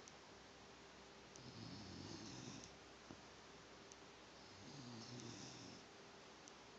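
Soft, rattling snores on the in-breath, two breaths about three seconds apart, in a quiet room. Ordinary snoring.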